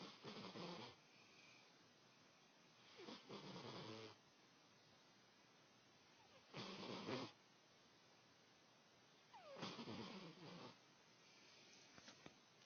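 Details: Four slow, rough, noisy snoring breaths during sleep, about 19 a minute, with quiet gaps between them; snoring.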